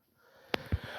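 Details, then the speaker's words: Person unwell with a bad cough and blocked nose: a single brief, thick snort-like sniff in a quiet room, nasal congestion. "um not feeling well today because I have a bad cough and a black nose"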